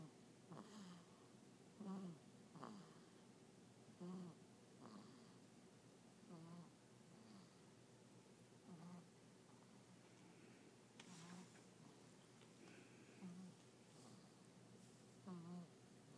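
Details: 5-week-old baby lightly snoring in sleep: soft, brief, snorty breath noises with small squeaks, about 27 a minute, in a quiet room.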